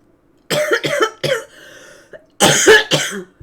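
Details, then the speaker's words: Cough in a person whose cough is described as about as bad as it's ever been, heard during a live stream: two bursts of harsh, rapid coughing, about five coughs in all, with a brief wheezy breath between. "Your cough like is so is fine, and this is what it sounds like. This is about as bad as it's ever been, too."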